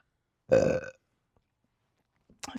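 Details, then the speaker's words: Adult woman with a very full belly after chugging 50 oz of beer: one loud, rumbling belch lasting about half a second, followed by quiet; a burp. "My belly is so full right now. You might want to just leave it on for extra burps."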